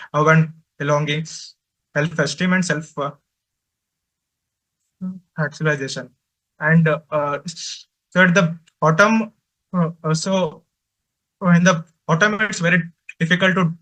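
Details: Male adult presenter from a stammering association who says he stutters and finds speaking difficult, especially with different people; stuttering.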